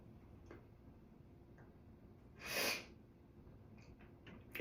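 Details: Person congested and stuffed up, face feeling swollen, after being around a cat the day before: a single loud, sharp sneeze in a quiet room with faint sniffing before and after; sneezing.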